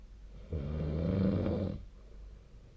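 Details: Snoring during sleep recorded with the SnoreLab app: one low, rattling, vibrating breath lasting over a second in a quiet room.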